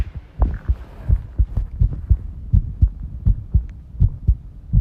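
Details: Heart sounds recorded while tidying a room, arrhythmia noted: low heartbeats at about 83 a minute with uneven spacing, some room clatter; irregular heart rhythm.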